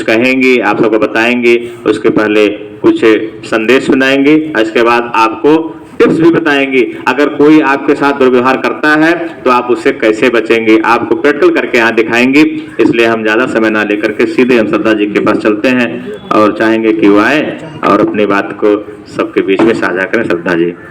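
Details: Adult male speaker; normal speech.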